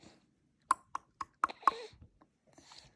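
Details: Five sharp, brief hiccup clicks in quick, regular succession from an infant in a quiet room: baby hiccups.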